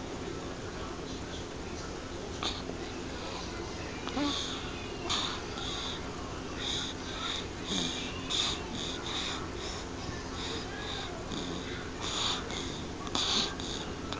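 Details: Repeated short, rasping breath noises at a quick, steady pace over a constant background hiss: snoring.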